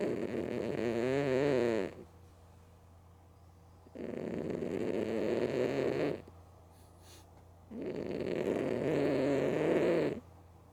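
Three long, loud rattling snores, each about two seconds, with quiet pauses between; ordinary snoring in a sleeping cat.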